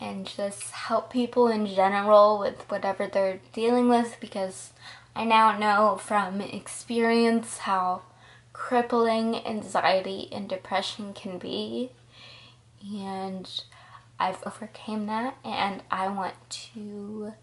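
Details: Ataxic dysarthria in a 20-year-old woman with progressive Friedreich's ataxia, diagnosed at 19, also affecting balance, coordination, heart and muscles but not cognition.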